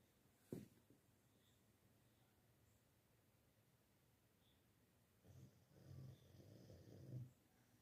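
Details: Sleeping dog snoring: a brief snort, a few seconds of quiet, then low rumbling snores in a quiet room; snoring.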